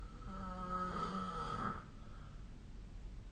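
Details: Snoring recorded with the SnoreLab app: a single snore with a buzzing, slightly whistling tone on the in-breath, then quiet.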